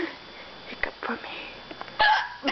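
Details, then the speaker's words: A person with ordinary hiccups: a couple of sudden, sharp hiccup sounds amid nearby talk. "hello so this is the hiccups"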